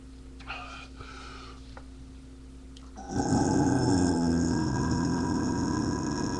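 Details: Adult man drinking beer, quiet room sounds then a long, loud, low rumbling burp lasting several seconds; burping.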